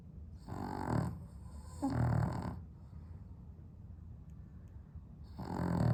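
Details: Loud rattling snores with a silent gap of about 2.5 seconds between them from a sleeping dog with sleep apnea, improved on heart medication, on a very hot 32°C day in London without air conditioning.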